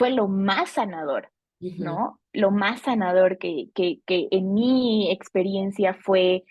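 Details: Adult female Bolivian speech therapist who has stuttered since age 4; stuttering.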